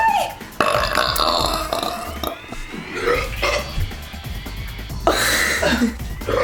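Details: A person burps: long, loud, drawn-out voluntary belches edited into a compilation over background music; deliberate burping.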